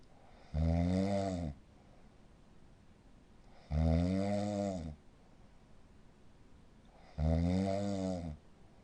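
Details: Snoring of a patient with sleep apnea syndrome: loud, low, rattling snores about a second long, three in nine seconds, with quiet gaps between.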